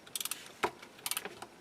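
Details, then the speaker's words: Torque ratchet clicking: quick runs of sharp metallic clicks with a louder clack between, as a torque ratchet fully seats a SATURNO narrow diameter implant in a styrofoam mandible, simulated lower interforaminal overdenture implant placement demonstration. "torque ratchet it allows me to insert the implant fully until properly inserted"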